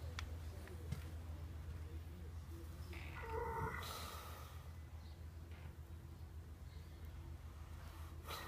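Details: Snoring in a thoroughbred racehorse, Inventor's Gate, napping after lunch at Saratoga Racecourse: a low, fluttering rumble repeating through the clip, with brief squeaky background sounds.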